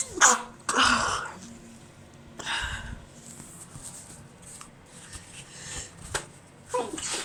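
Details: Adult female after a tiny amount of sneezing powder (chhikni), nose irritated all day: several sneezes, some sharp bursts, others muffled and held back, with quiet breaths between; repeated, mostly stifled allergy sneezing.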